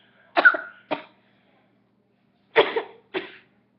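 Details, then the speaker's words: Two pairs of short, dry cough bursts separated by a pause of about two seconds in a quiet room; the person remarks needing a cough drop. "oh God I need a cough drop"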